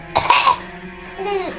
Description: 4 month old giggling at daddy coughing